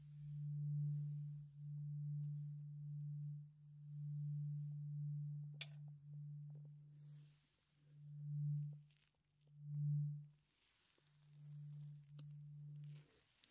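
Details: In an acted ASMR ear-exam roleplay, a tuning fork is struck several times for a hearing test: a steady low humming tone, each ring swelling and fading.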